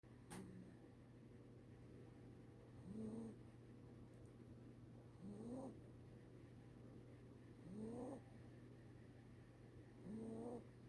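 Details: A sleeping pet gives regular squeaky, rising snoring sounds about 24 times a minute, one with each breath, over a steady low room hum.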